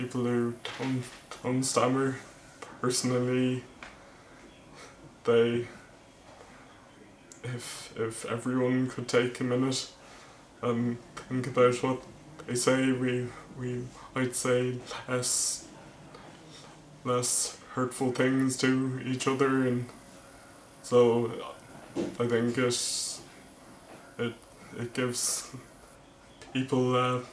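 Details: Male vlogger who stammers, speaking with word repetitions; stuttering.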